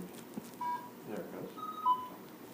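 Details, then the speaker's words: Pulse oximeter on an anesthesia machine monitor starting to read after the probe is put on: short clear beeps over quiet room noise, during an anesthesia machine check. "your pulse oximeter over here well I put that on I will start getting a it'll start reading it"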